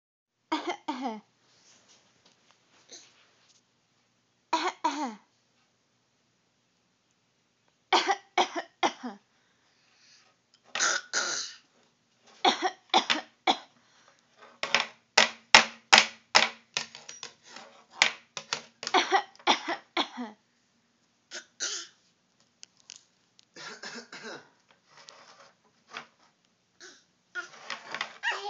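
A child coughs repeatedly in bursts and clusters, with short pauses and a few throat-clearing sounds.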